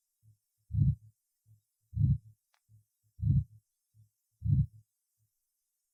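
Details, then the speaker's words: Second auscultation point (aortic area) in patient with aortic valve stenosis: slow regular heartbeat about 48/min, loud harsh systolic murmur filling each beat, second sound usually weakened. "прослушайте запись сделанную во второй точке аускультации у пациентов со стенозом отверстия аортального клапана"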